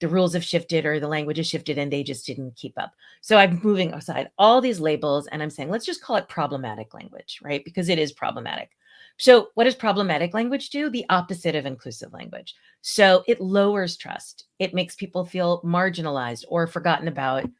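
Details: Adult speaker; normal speech.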